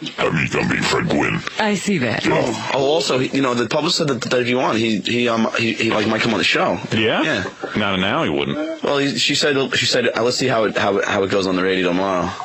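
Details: Adult man who has stuttered since second grade, asking interview questions; stuttering.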